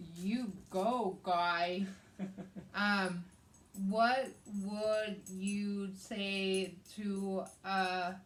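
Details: Adult woman with aphasia and right-sided hemiparesis after a hemorrhagic stroke on May 19th 2020, treated with brain surgery and an ICU stay; aphasia also affects her reading and writing.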